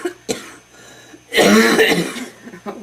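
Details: Adult smoker of homegrown tobacco gives a harsh, gurgling, rattly, mucus-laden cough burst and then says it hurts; wet smoker's cough.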